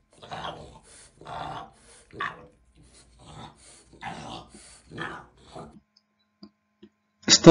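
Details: Stertor: repeated low-pitched, rough, snore-like breathing noises with a gurgling quality, heard on both inspiration and expiration, from partial obstruction of the upper airways such as the nasopharynx or oropharynx.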